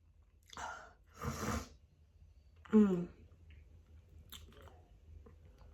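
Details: Two soft breathy bursts, then a louder voiced sneeze in a quiet room, in a sneezing bout just after a walk outdoors; autumn seasonal allergies, with lightheadedness after sneezing.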